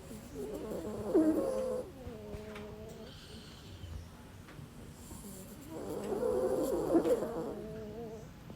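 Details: Pet snoring, recorded last year: two slow, rattling, purr-like snores about five seconds apart with quieter breathing between, in a sleeping cat.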